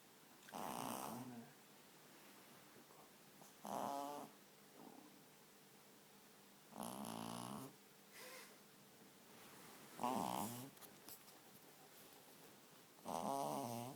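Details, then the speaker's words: Sleeping pug puppy snoring with tongue out: rhythmic rattling snores about 19 per minute, with quiet pauses between. "Ready? You're snoring, mate. Shall I put your tongue away? You can't be snoring, are you?"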